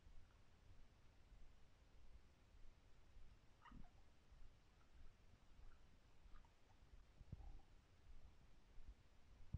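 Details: Stomach growling (borborygmi) recorded for ASMR with no talking: low, continuous abdominal rumbling with a few brief gurgles from gas and fluid moving.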